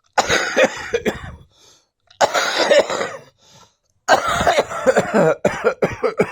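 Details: Adult coughing and wheezing while in a dressing gown: three fits of harsh, repeated coughing, each followed by a faint, strained in-breath. Cough with wheezing.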